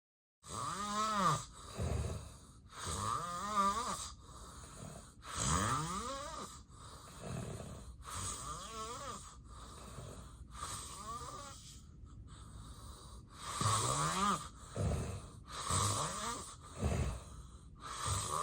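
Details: Real, unplanned daytime nap of a person with sleep apnea and daytime sleepiness: loud, rough snores with strained, wavering inspiratory tones, each followed by a heavy exhaled breath; obstructive sleep apnea snoring.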